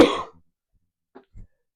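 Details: A single sharp, loud cough followed by brief quiet throat sounds, during a live online Q&A.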